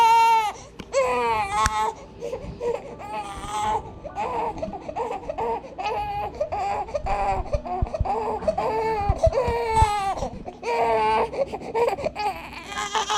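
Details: One-month-old baby boy crying for his bottle: loud, rhythmic, rising and falling crying with brief pauses for breath; an ordinary hunger cry.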